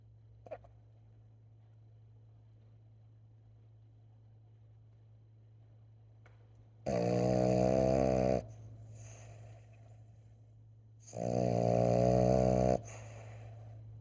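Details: Sleeping Boston snoring: two loud, rough, buzzing snores, each about a second and a half long and several seconds apart, over quiet room noise.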